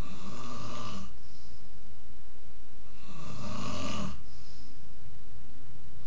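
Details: A man who says he doesn't snore: loud, rough, rattling snores on two breaths about three seconds apart, heavily overloaded; plain snoring.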